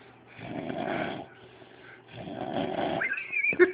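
Two rough, snorting breath sounds in a quiet room, each about a second long, then a brief squeak. Snoring.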